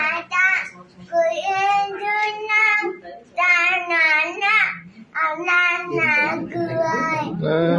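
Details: 5-year-old boy with tongue-tie (short tongue tip, right side), previously unintelligible, with hospital surgery planned; singing after one session of manual therapy; articulation disorder with tongue-tie (ankyloglossia).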